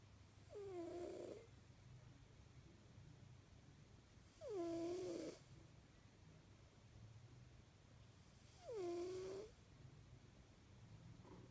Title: British short hair snoring loudly